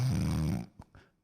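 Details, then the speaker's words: An adult imitates a single deep, nasal, chest-resonant snore, a low rattling rumble lasting about half a second: imitated snoring. "这个呼噜这个东西还是有旋律的是吗我感觉他这个呼噜是从头顶这个头声发出来的这个这个人呼噜就相对来说鼻音比较重这个就是胸腔共鸣比较多"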